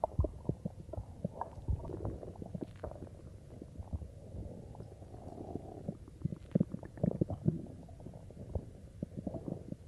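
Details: Irregular low gurgles and bubbling rumbles from the belly after drinking cola; typical stomach growling, ordinary bowel sounds (borborygmi).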